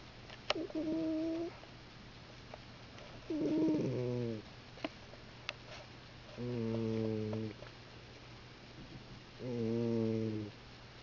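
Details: Loud snoring in a sleeping cat: regular voiced snores, about four breaths in 11 seconds, roughly 20 a minute, with quiet pauses between.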